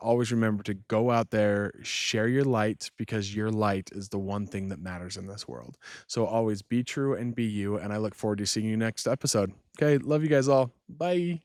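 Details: Adult man speaking; fluent adult speech.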